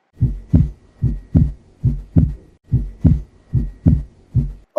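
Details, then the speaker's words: Normal heart sounds: regular paired lub-dub (S1 and S2) at about 74 beats per minute. "तो I guess आपने audio clip सुन लिया है आपको समझ में आ गया होगा कि ये तो हार्ट की नॉर्मल रिदम है न not not the rhythm rhythm is wrong word normal sound है धक धक करके जो प्रोड्यूस होता है"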